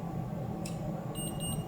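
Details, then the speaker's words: A soft electronic beep over low room hum from an insulin pump pod after it is filled with about 150 units of insulin for 3 days, confirming it registered the medicine. "I hear that beep and then I know that it registered that I got medicine."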